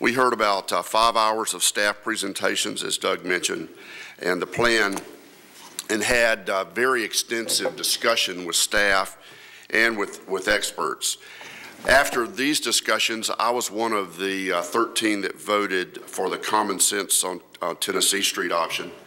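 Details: Adult woman who reports having a vocal tremor, speaking at a public hearing; vocal tremor.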